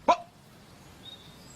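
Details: Acted film scene of an adult man with Tourette syndrome during a job interview: vocal tic (Tourette syndrome).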